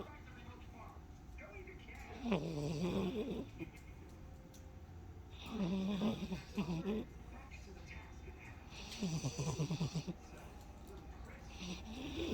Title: Itty Bitty snoring and dreaming. Baby love.